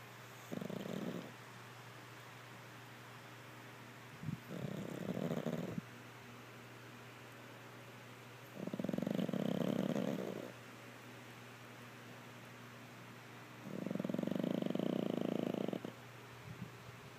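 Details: Pug asleep, snoring: four low, rattling snores on the in-breaths, about fourteen breaths a minute, with a steady background hum; typical noisy sleeping breath of a flat-faced dog.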